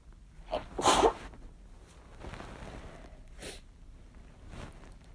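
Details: Strong sneezes induced with chhinkni (sneezing powder): one forceful, explosive sneeze, followed by quieter breathy bursts and faint room noise.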